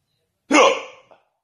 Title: my hiccups wont go away